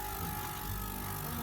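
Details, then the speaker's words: Suction machine switched on and running with a steady low motor rumble, demonstrated before tracheostomy suctioning in a skills check-off. "anyway there's a switch right here and so you'll actually switch it on that will actually be used on the check off so they'll be plugged in because I need to hear it"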